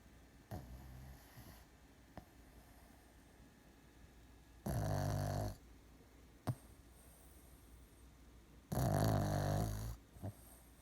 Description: Charlie jumped up on me, fell asleep on his back, and then started snoring so much he was waking himself up.